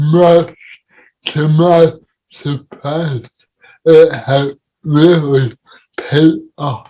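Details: Dysarthria in an adult man with cerebral palsy, heard in real conversational speech.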